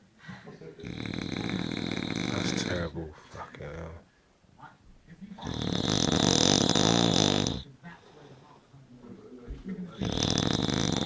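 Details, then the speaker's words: A sleeping man snoring loudly: harsh, rattling snores on each breath in, with quieter breathing out between them; a person speaks briefly in the background. "Listen to that cunt snore."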